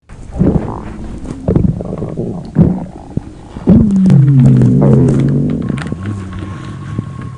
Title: Kandwy stomach growl